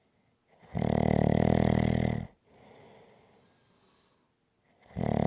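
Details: Steady rhythmic snoring: loud buzzing snores on each in-breath with a softer breath out between them.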